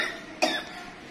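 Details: Person who says they are sick, in hot weather: a single short, sharp cough burst in a quiet room.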